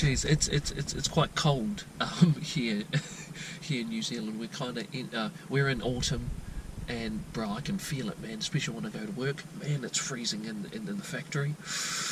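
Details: Lifelong stuttering since childhood in a 22-year-old man from New Zealand, never treated, with repetitions and blocks mostly at the beginnings of words.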